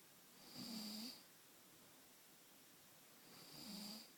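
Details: Snoring captured on recording: two slow, rasping snores about three seconds apart, each with a faint whistling note over a low rattle, ordinary snoring.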